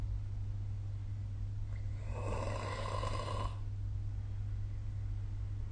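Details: A single rough, fluttering snore on a breath over a steady low hum, recorded with the SnoreLab smartphone app; snoring during sleep.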